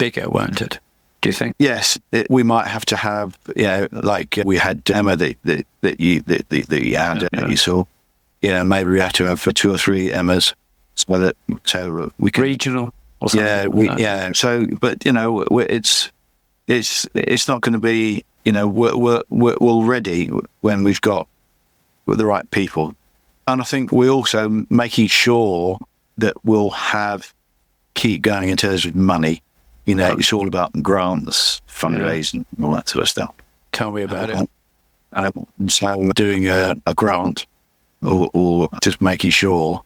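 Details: Adult man with chronic aphasia after a massive stroke about 11 years earlier; he still cannot read or write; aphasia.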